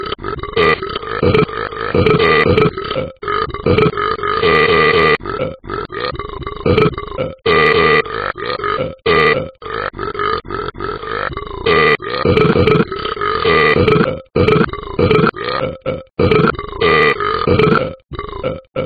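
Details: Animated game character Talking Ben the dog burping: roughly a dozen long, low, rumbling voiced belches in a row.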